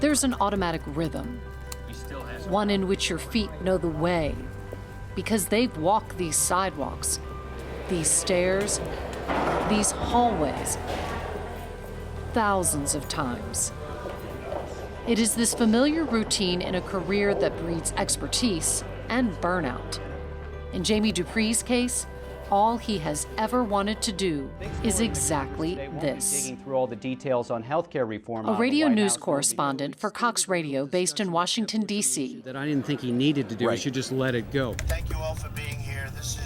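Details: Adult narrator, with other voices and background music; normal speech.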